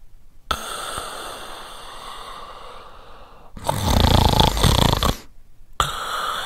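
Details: A man snoring: loud, rough, rattling breathing sounds in long bursts separated by brief pauses; heavy snoring.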